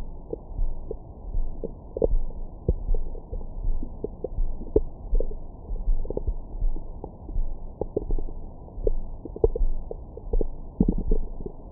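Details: Soft gurgles and brief squeaky pops over a low muffled rumble from the belly, recorded with a Stemoscope stethoscope microphone after a large meal for ASMR: active bowel sounds, a normal finding, stomach growling.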